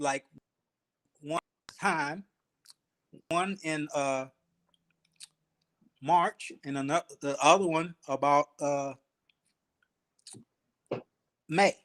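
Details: Aphasia after ischemic stroke in a 52-year-old male Army veteran, about 3 years post-stroke, still working on his speech; real patient.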